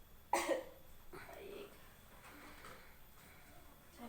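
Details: Simulated effective-cough technique in a nursing practical exam on an adult male patient, after deep breaths held for a count of three: a single forceful deliberate cough to clear phlegm, then quiet breathing.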